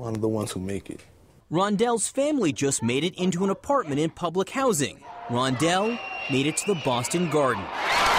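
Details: Adult male narrator, with a brief opening phrase from a young male speaker; ordinary speech.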